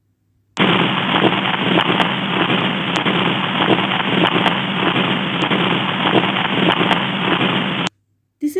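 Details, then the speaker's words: Continuous machinery-like, high-pitched murmur best heard below the left clavicle, no radiation, variable intensity: patent ductus arteriosus murmur, teaching recording. "is the murmur of patent ductus arteriosis. It is best heard below the left clavicle. It is machinery like murmur, continuous murmur with no radiation, variable intensity, high pitched holo systolic murmur."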